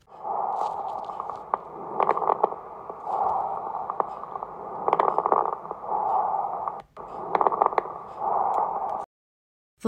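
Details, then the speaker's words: A demonstration of fine crackles on lung auscultation: brief, fine popping sounds toward the end of inspiration, like rubbing hair or opening velcro, unaffected by coughing and caused by sudden opening of small airways. "vamos a representação dos estertores finos crepitantes eles não interferem com Episódio da tosse acontece mais no final da inspiração e o som é semelhante ao friccionar o fio de cabelo ou ao abrir um fecho de velcro"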